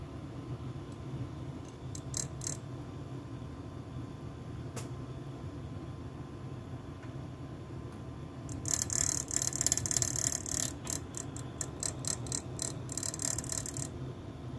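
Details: Steady mechanical hum with bursts of rapid rattling, clicking noise from the cooling fan of a 2-year-old Aisys CS2 anesthesia machine monitor.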